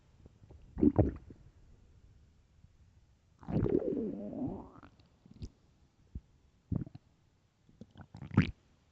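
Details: Loud gurgling rumbles in the morning, one long rising growl then short squelching pops; extremely loud but normal stomach growling (borborygmi).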